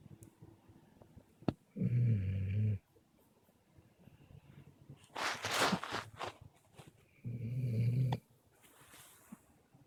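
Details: Snoring during sleep on a camping trip: deep, rattling snores every five to six seconds with a soft airy out-breath between, in a quiet setting.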